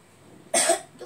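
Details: A single short, loose cough from a child with a cough and cold, in a quiet room.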